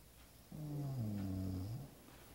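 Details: A single low, droning snore lasting over a second in a quiet room; snoring.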